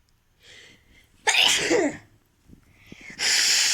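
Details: An indrawn breath, then a loud hissing sneeze, another build-up and a second forceful sneeze, performed for a requested sneezing and nose-blowing challenge; likely acted: sneezing.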